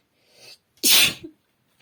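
A soft in-breath followed by one sharp, explosive burst of air: a single sneeze.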